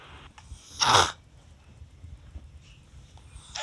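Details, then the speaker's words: Newborn male llama cria, born with one-sided choanal atresia confirmed by vet, breathing with mouth open: a single brief, harsh snort against quiet breathing; noisy nasal snorting from one blocked nasal passage. "I noticed throughout the day he kept breathing with his mouth open and kept making these snorty noises"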